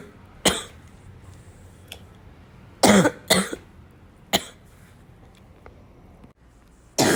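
About five separate coughs and throat clearings, short and harsh, are heard over quiet room noise. This is repeated coughing.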